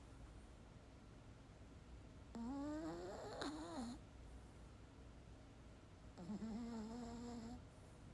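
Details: Puppy snoring: two soft, tonal, whistling-snore sounds on breaths a few seconds apart in a quiet room.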